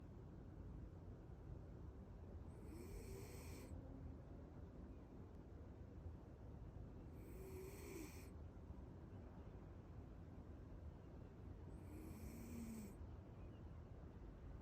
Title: cuddle and snore